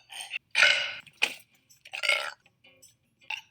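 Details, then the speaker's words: Young woman burping, saying the burp hurt her chest: several short, throaty belches in quick succession with brief gaps; ordinary burping. "when i just burp just now it hurt my chest you know what i mean"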